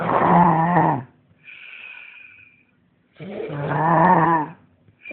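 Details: Loud, rough, voiced snores on each in-breath with a soft hissing out-breath between, about two cycles in five seconds; heavy snoring.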